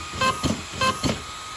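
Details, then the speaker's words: Corpuls CPR mechanical chest compression device in 30:2 mode: two short tonal beeps between mechanical compression thumps as the count nears 30, warning of the coming pause for two breaths. "as we get closer up to our 30 compressions you'll hear the machine beeping to indicate that we're about to receive a pause"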